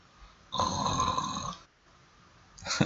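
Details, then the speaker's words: A dog snoring, pointed out by its owner while streaming; sound of a dog snoring. "Mira, si si logran prestar atención, el [carraspeo] perro está roncando, hijo de [ __ ]"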